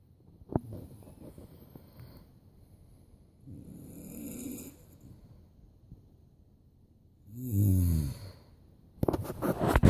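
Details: A woman snoring while asleep.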